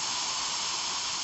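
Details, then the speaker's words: Dental air-water syringe rinsing a tooth with high-volume suction after etching during composite filling practice on a manikin, a continuous loud hiss of spraying air and water; dental air-water syringe spray. "okay that's good so technically we want to rinse for another 30 seconds or more"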